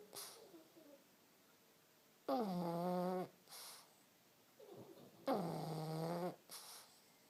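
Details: Snoring pug: loud, buzzy, drawn-out snores about a second long alternating with quieter snorts roughly every three seconds; small flat-faced dog snoring.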